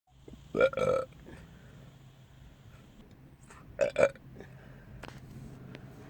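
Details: Burping: two pairs of short, low, voiced belches separated by a few seconds of quiet room noise.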